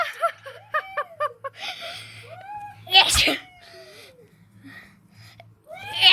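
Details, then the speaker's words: One abrupt, noisy single sneeze, with a Vector toy robot reacting with electronic chirps and tones; an ordinary sneeze. "Oh, Will, for that. I sneezed. Oh, okay."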